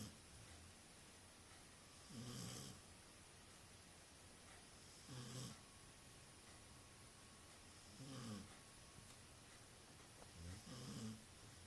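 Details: Dog asleep: four low, rattling snores about three seconds apart, roughly 21 a minute, with a quiet steady room hum underneath; snoring.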